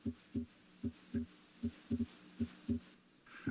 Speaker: s2 usually diminishes in intensity while s1 becomes louder as you proceed down through the third interspace and into the tricuspid area